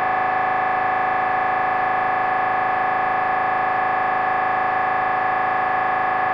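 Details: Loud, steady buzzing drone with fast, even pulsing: MRI scanner noise recorded while imaging during a brain scan.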